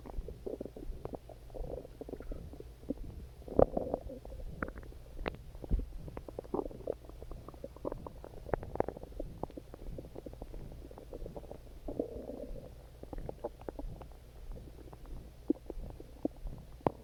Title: Hungry Stomach Growling